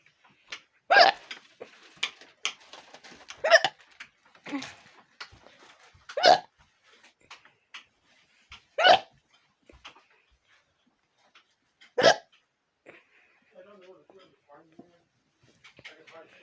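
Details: Hiccups: five sudden, sharp hiccup sounds roughly every two to three seconds, with faint clicks and room noise between them.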